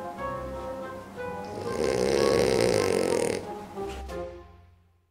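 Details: Sleeping dog gives one long, rough snoring breath with music in the background; snoring.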